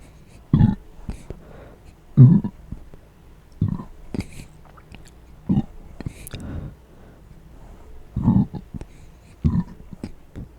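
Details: Deliberate closed-mouth burps, a first attempt, with a few small hiccups: deep, muffled burps, about seven over ten seconds, in a quiet room.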